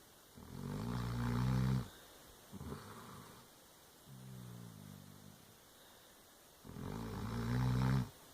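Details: Sleeping female Dobermann dog snoring: slow, rumbling snores, about three loud inhaled snores and softer exhaled ones over eight seconds; ordinary snoring.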